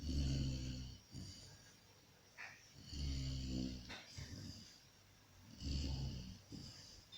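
Low, rumbling snores in a steady rhythm, about 20 breaths a minute; a sleeping puppy snoring.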